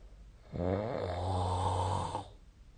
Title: 🐽 本日のイビキ / Snoring Sleep Sound 2025/02/25